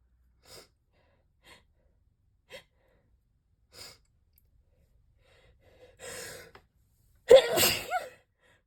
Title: Spray Chhinkni sneezes